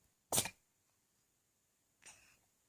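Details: Black male cat sneezing, possibly after its sibling groomed it heavily: two sharp, brief sneezes, the first loud and the second softer, in a quiet room.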